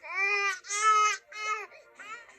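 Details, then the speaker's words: Infant cry played by a baby simulator: loud, high-pitched wailing in two strong bursts, then weaker fussing cries; it cries to be fed and stops when bottle is held to lips. "when baby cries and wants to be fed pick baby up listen for the chime and hold the bottle or breastfeeding device to baby's lips it will stop crying and begin making feeding sounds"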